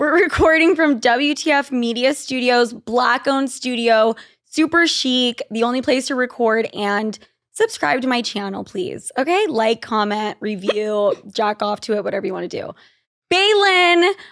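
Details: Adult woman speaking; typical speech.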